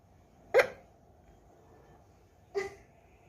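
Two brief, sharp bursts about two seconds apart from a rabbit in a quiet room, heard as small coughs, apparently while drinking.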